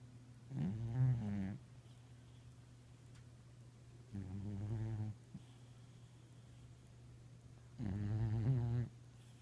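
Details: Leo, an overweight 8-year-old cat, snoring, which began over the past two years and sometimes gets very loud: three low, rumbling, voiced snores, each about a second long and several seconds apart, over a steady hum.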